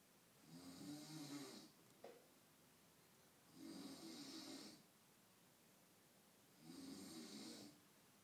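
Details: Adult man snoring, who doesn't believe he has a snoring problem; soft, even snores about every three seconds, near 20 breaths a minute, over quiet room noise.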